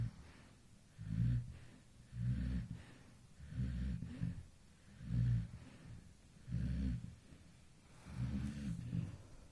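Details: Baby snoring while asleep at 2 a.m.: soft, low, regular snores, about six breaths in nine seconds (roughly 40 a minute), quiet between breaths.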